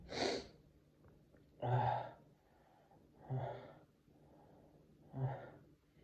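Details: Four sneezes from an adult, some stifled or half-stifled and muffled, others let out more fully; ordinary sneezing.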